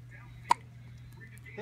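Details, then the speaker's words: A baby girl with hiccups: a single short, sharp hiccup against quiet room hum. "hiccup poor baby goam hiccups hiccup hi it's okay hicup means you growing"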